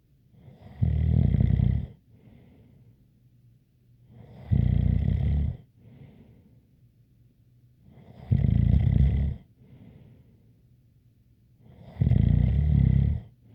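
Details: Four regular deep snores about every 3.8 seconds, roughly 16 breaths a minute, with a faint light whistle on each breath.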